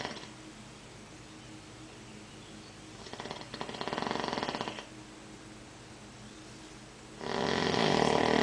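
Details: Man snoring during sleep: two loud, rasping, vibrating breaths separated by quieter breathing over steady room hum; snoring.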